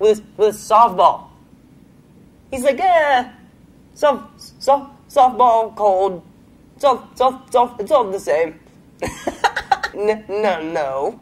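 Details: Adult male comedian who stutters; stuttering.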